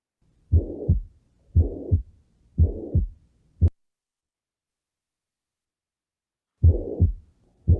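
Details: Low-pitched heartbeat near 58 a minute with a loud, intense murmur of constant intensity lasting from S1 to S2: holosystolic murmur of chronic severe mitral regurgitation.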